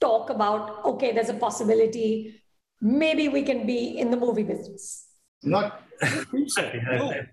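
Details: Adult speaker; typical speech.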